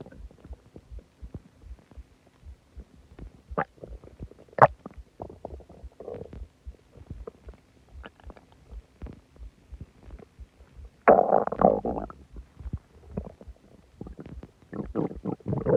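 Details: Loud stomach growling after eating a lot of food and drinking soda: loud gurgling, bubbling and groaning bowel sounds (borborygmi).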